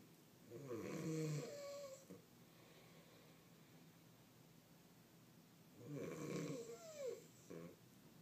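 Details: Two rattling, whistling snores about five seconds apart with quiet breathing between, during sleep; snoring.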